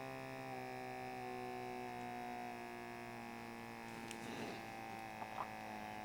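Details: Sanitas SBM 54 fully automatic upper-arm blood pressure monitor: steady electric motor hum of the cuff inflating during a reading, with a few faint clicks near the end.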